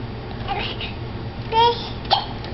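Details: Young child babbling and talking, with two short, sharp hiccups breaking in, one of them voiced; ordinary hiccups.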